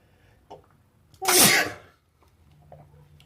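A single sharp, explosive sneeze with a brief sucked-in breath before it, in a quiet room.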